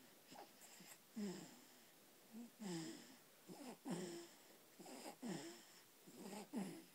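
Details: Person snoring while falling asleep: repeated noisy breaths in a quiet room, some with a whistling edge, about 22 a minute.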